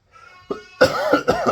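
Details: Adult sick and hoarse, barely able to talk, possibly long-lasting illness: a soft throaty sound followed by three short, loud, dry coughs in quick succession.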